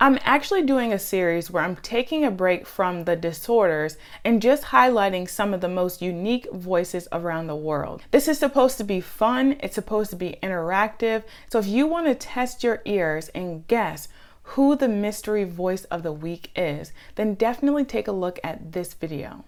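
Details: Adult woman speaking; normal speech.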